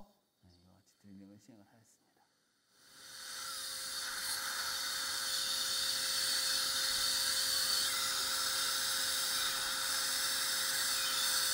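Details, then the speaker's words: Implant site preparation at tooth #46 in a 67-year-old woman after extraction and socket preservation: a steady, high-pitched whirring surgical drill. "instead of going straight to 5.80 I used a 4.5 by 10 millimeter one guy drill first after that to 5.0 by 10 millimeter one guy drill was used in order to prep the Apex area"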